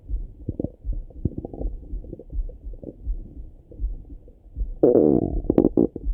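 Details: Morning stomach rumbling through a stethoscope: irregular low gurgles and bubbling rumbles, a louder gurgling run at the end; ordinary active bowel sounds (borborygmi).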